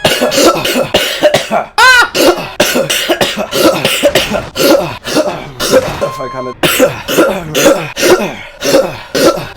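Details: Coughs from a person with COVID, trying to suppress coughing while talking during a live stream; cough.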